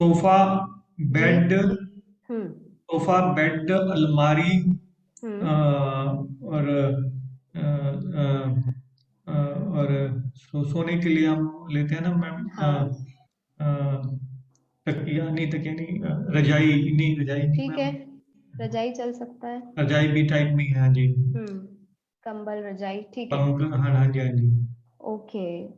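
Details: Aphasia after stroke; Hindi-speaking participant naming pictured objects during an online speech-therapy conversation-practice class, aphasia.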